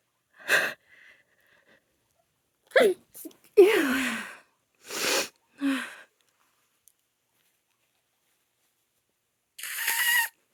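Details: Allergy sneezing in a female: a run of about five sharp sneezes with short catching breaths between them, then a nose blow.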